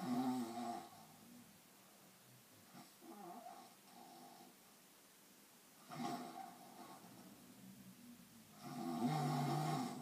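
Rough, rattling snores on the breaths, in three episodes, with quiet gaps between them.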